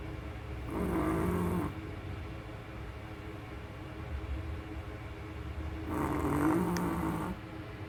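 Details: Chihuahua dog snoring very loudly: two loud, rough, buzzing snores about five seconds apart, with quiet room noise between them.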